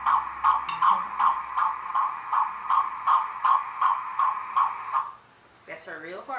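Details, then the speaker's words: Fetal heartbeat of a baby girl, captured at the gender ultrasound and played back from a recording inside a teddy bear: rapid, regular whooshing pulses at about 158 a minute; the heartbeat was heard at 15 weeks of pregnancy. "that's her real heartbeat well we heard it 15 weeks when we found out we was having a girl"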